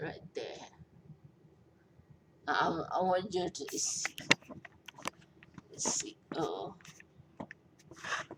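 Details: Post-stroke speech impairment in a 43-year-old woman after a major stroke with a long recovery; she says she is hard to understand.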